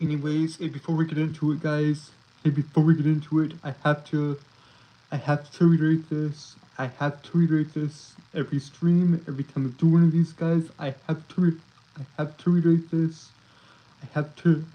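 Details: Male streamer with a self-reported speech impediment that makes him stutter and trip over his words; repeated phrases; stuttering.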